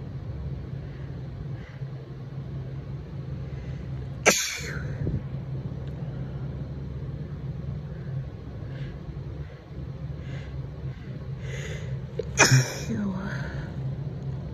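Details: Two forceful, tickly allergy sneezes from a congested woman recorded very close to the mic, over a steady low engine-like hum; seasonal allergic sneezing.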